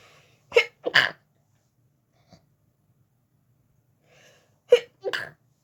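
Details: Person in bed trying to sleep, fit began after turning onto other side; two pairs of sharp sneezes with short inward breaths, four in all, quiet room: sneezing fit.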